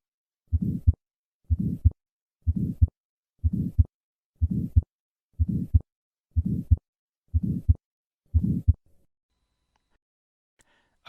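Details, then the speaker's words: Innocent systolic murmur from flow across a normal aortic or pulmonic valve, heard at the second right or sometimes left intercostal space; unchanged by hand grip, found in up to 50% of normal people, the most common murmur. "they occur in up to 50 percent of normal individuals and are the most common murmur heard in a general medical population listen once again to an innocent systolic murmur"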